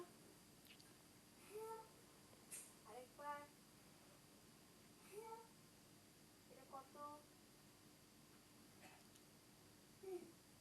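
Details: Whispering dysphonia, described as classic spasmodic dysphonia, occurring with craniocervical dystonia in TUBB4A tubulinopathy (DYT4).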